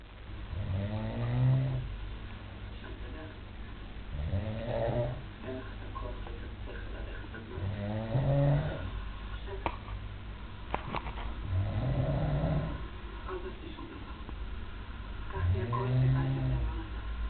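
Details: A man snoring in sleep, filmed to prove he snores: low rattling snores about every four seconds, roughly 15 a minute, each a few seconds long, with quiet breathing between.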